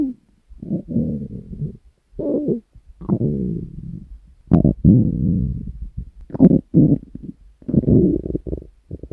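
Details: Hunger stomach growling from a person's abdomen: long, low gurgling and rumbling runs with brief pauses; normal borborygmi.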